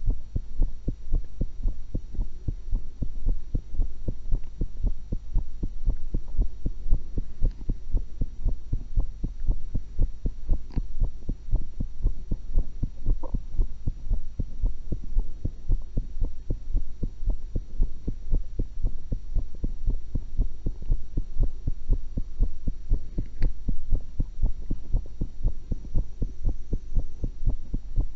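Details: Normal heart sounds recorded with a stethoscope while eating an apple and cucumber: steady, regular heartbeat about 115 per minute over a low constant hum.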